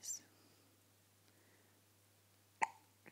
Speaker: Got the hiccups, buddy? Oh my goodness. Oh